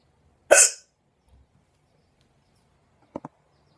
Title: Hard hiccups